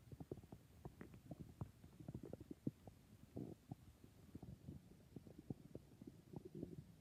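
Irregular low gurgles and rumbles from the abdomen, ordinary stomach growling from gas and fluid moving through the gut.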